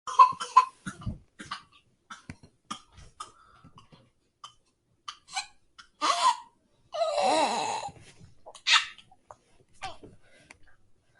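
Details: A toddler gives a series of short, sharp coughs mixed with brief babbling and a longer voiced laugh: plain childhood cough.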